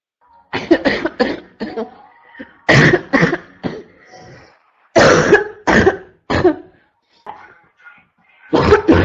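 Repeated harsh, forceful coughs come in bursts of two to four, about a dozen in all, with a barking quality.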